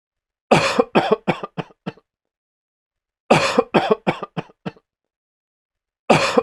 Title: Sick man coughing sound effect